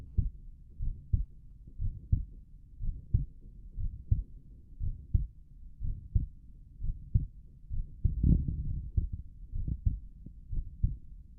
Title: Visible heart auscultation in left lateral decubitus position